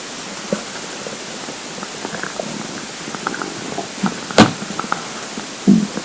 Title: Hungry Empty Stomach Rumbling Part 4 (22/10/2015)